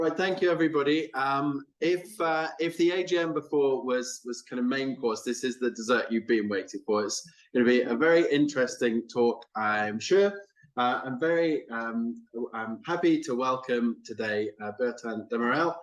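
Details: Adult male speaker; Normal speech.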